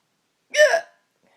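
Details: A single abrupt, loud voiced hiccup from an adult woman who gets hiccups about once a year and calls them absurdly loud, followed by silence.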